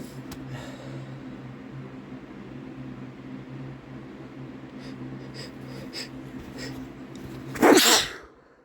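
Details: Sneeze from an adult man: faint sniffs then one loud, explosive sneeze; "chhinkni" (snuff) used to trigger the sneezes.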